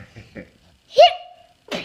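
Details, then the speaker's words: Hiccups in an adult man (a father): a single sharp voiced hiccup with a brief squeak between soft background sounds. "again what's daddyy doing he's doing this he's got hiccups yeah hicups now yeah is it"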